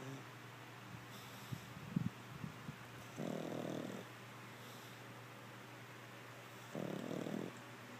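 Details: Chloe, a Pug, passed out asleep, gives two long, rasping snores about three and a half seconds apart over a low steady background hum.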